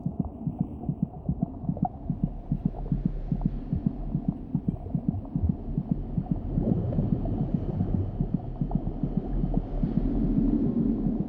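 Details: Fetal tachycardia: rapid fetal heart rate, discussed as linked to a stressed, tense mother whose raised heart rate and blood pressure may affect the fetus.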